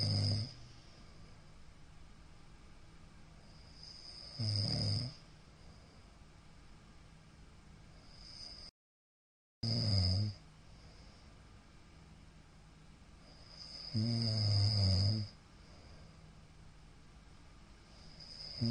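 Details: Middle-aged man snoring in sleep, recorded 15 Feb 2022: loud, rough snores recurring irregularly every five to nine seconds, separated by quiet breathing; a sudden "fa!" sound comes at the end, and the recorder wonders about possible sleep apnea.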